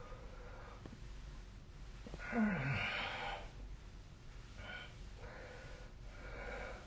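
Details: Snoring during sleep, recorded with the SnoreLab snore-tracking app: one harsh, rattling snore, then softer noisy breaths against a steady room hiss.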